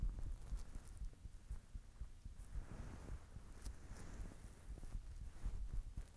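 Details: Normal heartbeat of the recording person, who says they are blushing: muffled low thumps under a steady rumbling noise.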